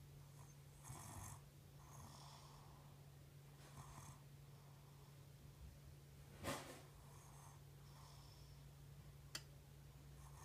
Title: Snoring baby